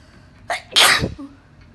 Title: Uncovered allergic sneeze fit after dusting | 19 sneezes